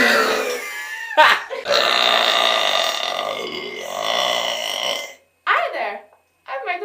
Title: Burping King 3